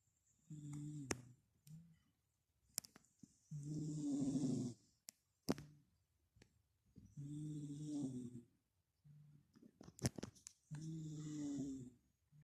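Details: Pet snoring while asleep, with ear twitching; the snore is usually high-pitched but here low-pitched, and the owner suspects a blocked nose. Slow, rough, rattling snores every few seconds with quiet gaps and small clicks.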